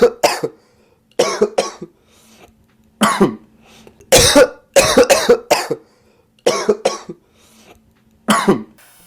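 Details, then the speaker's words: Repeated short, sharp coughs in quick clusters with no rattle, gurgle or phlegm: dry cough. "A dry cough is called dry because it does not produce phlegm. This type of cough is seen with allergies, environmental allergens such as smoke, acid reflux, and even asthma."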